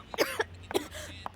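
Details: Two short, harsh acted coughs half a second apart, with a faint throat-clearing quality, from a cough syrup TV commercial.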